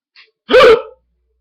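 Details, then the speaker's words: A single sharp, voiced hiccup preceded by a small catch of breath, from a man whose loud hiccups he says are getting worse and starting to hurt; hiccup. "I don't know why it's like so loud they're getting I think they're getting worse if I don't do something about it I think I could die or something dang starting to hurt so loud"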